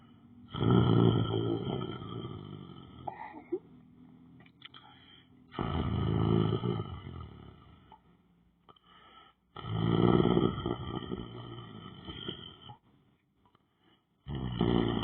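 Loud, rattling snores in long bursts, about four a minute, with quiet pauses between them.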